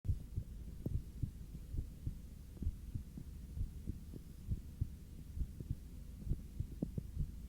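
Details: Person lying on their back, breathing normally: regular low heart thumps at about 67 beats per minute with a faint steady hum behind them; normal heart sounds.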